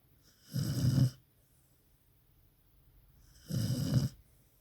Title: my dog she is Snoring very loud 😴😴